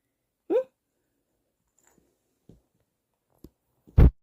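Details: A baby suddenly sneezing repeatedly: a short voiced burst, a quick catch of breath, then a sharp sneeze; the parent wonders if dust on a toy caused it.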